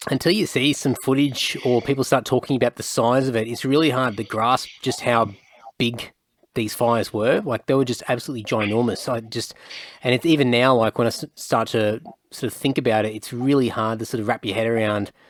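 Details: Adult male speaker; normal speech.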